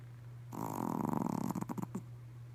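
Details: Pomeranian dog snoring during a midday nap: one rattling, fluttering snore breaking into short snorts, over a steady electrical hum.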